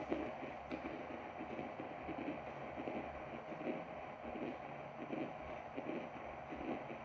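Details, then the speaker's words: Fetal Doppler probe used without conductive gel on an adult's own body, for demonstration after repairing the device: muffled, hissy Doppler signal with faint rhythmic heartbeat pulsing, ending in a loud clunk. "eu usei a freqüência cardíaca que podemos afins só para fins demonstrativos tentar ler a minha frequência a dia você vai ouvir aqui a batida"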